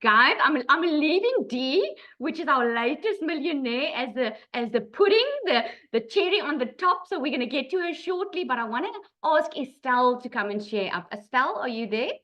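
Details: Adult woman; Normal speech.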